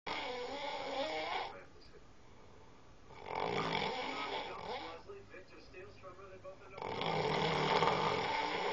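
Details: Heavy snoring during sleep: loud, rough, rattling snores in repeated breath cycles with a gurgling, vibrating quality.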